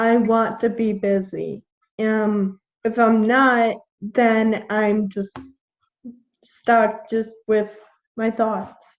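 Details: 21-year-old woman with Friedreich's ataxia, a genetic neuromuscular degenerative disease; symptoms from about age 9, diagnosed at 13, with progressively slurred speech. Finding: ataxic dysarthria.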